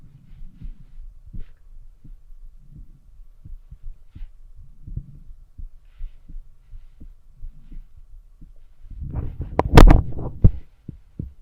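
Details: Heartbeat heard through a stethoscope: steady, regular low thumps about 85 a minute, with loud stethoscope rubbing near the end; normal heartbeat.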